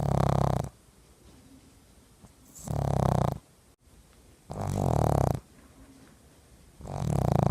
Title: Snoring Pug